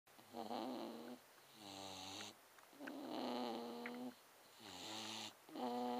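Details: Ben, a sleeping Staffordshire Bull Terrier, snores with rhythmic, buzzing, tonal snores on both breathing in and out, around 20 breaths a minute; snoring.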